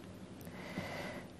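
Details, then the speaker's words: Faint, low snorting rasp of a pet dog snoring while asleep indoors, in the background under steady room hiss: ordinary dog snoring. "So the snoring you can hear in the background is one of my dogs."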